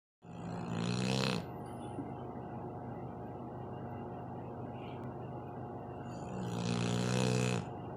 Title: Dog snoring